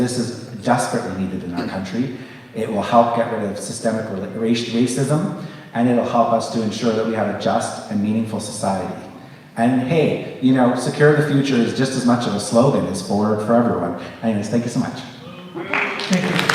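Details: Adult man; normal speech.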